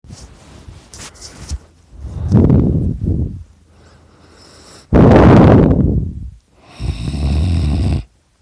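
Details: Loud, rough, rattling, irregular snores on breathing in, with quieter breathing between, from a person napping; heavy snoring.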